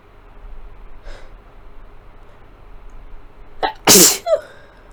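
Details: Person with a cold, sick since Thursday, feeling crummy: a sharp inward catch of breath, then one loud, explosive, messy sneeze with a brief trailing sound; computer fan hum in the background; clips combined from several fits.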